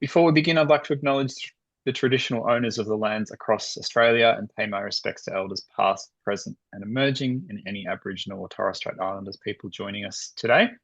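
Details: Adult male speaker; normal speech.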